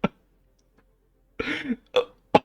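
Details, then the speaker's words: Streamer with persistent hiccups while playing Overwatch 2, sweating and with a headache: several short, sharp throat catches with abrupt onsets, one drawn out and belch-like; repeated hiccups. "Stop. Stop with the hiccups. This is crazy. My head hurts."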